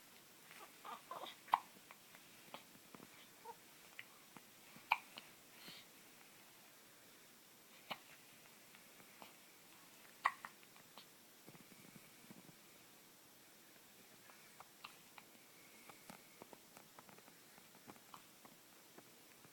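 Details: Hiccups, a recurring episode: faint, brief jerky sounds recurring irregularly, about 18 a minute, in a quiet room; hiccups.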